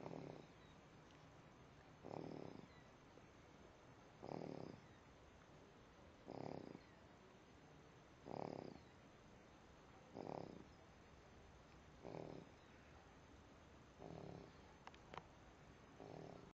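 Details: Snoring at 4 months old in sleep: short, regular snuffling snores, about 30 a minute, each a brief raspy burst with quiet between.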